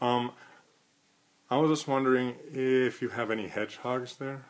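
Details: Stuttering in an adult who stutters, recorded during a real phone call to a store; he reports having some difficulty on the call.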